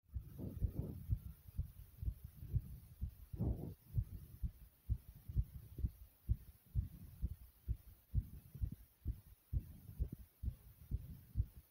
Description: My heart was beating fast and my breathing was heavy due to jumping in place.